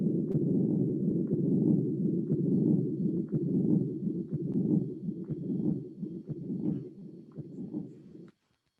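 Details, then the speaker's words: Cardiac auscultation teaching case: a steady rumbling murmur running through the whole heart cycle without a break, louder in waves, from continuous flow as in a fistula; continuous murmur of patent ductus arteriosus. "continuous murmur is the murmur that is produced by fistula for example in which you hear the flow that is continually continually running and this produce of course these disturbances so this is a patent doctor arteriosus let me show you is a continuous murmur"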